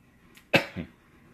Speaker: Did anyone hear that over him coughing?